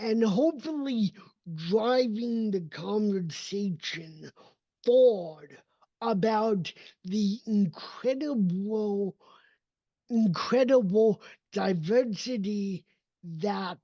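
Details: Dysarthria from cerebral palsy in an adult man whose speech did not develop until age seven after extensive speech therapy and needs constant training; others sometimes assume he is drunk.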